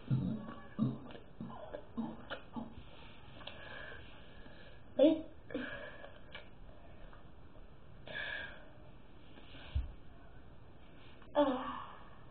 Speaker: It's like 4, and I want to burp a lot, and this is how I burp.